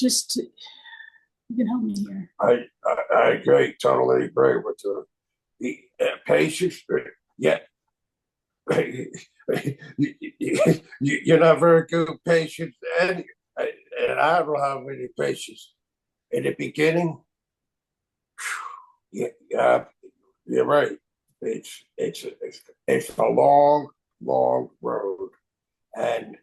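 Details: Aphasia from stroke in an adult male, 25 years after the stroke; chronic post-stroke aphasia.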